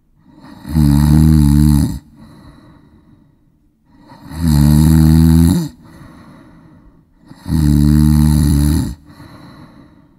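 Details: Sound-effect recording of a man snoring; three loud, rattling inhaled snores about every three seconds, roughly 18 per minute, with quiet breathing between; snoring.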